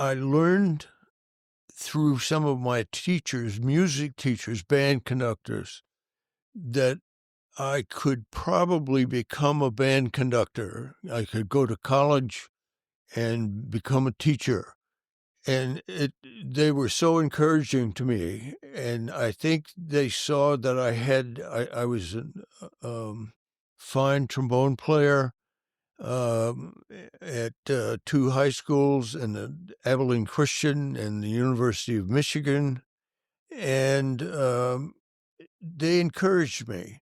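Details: Adult male band director who has stuttered since childhood, severe when very young and for many years, and still stutters: stuttering.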